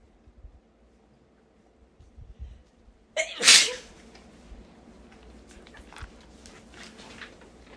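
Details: Stuffy, congested-sounding sneeze from an old recording; person possibly sick at the time: quick intake of breath, sharp forceful sneeze, faint sniffling afterward.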